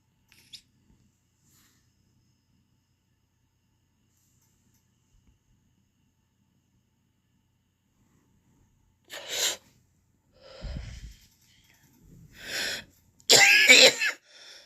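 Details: After a long quiet stretch, an adult gives about four short, breathy coughs or forceful exhales after a vape hit; cough after vaping.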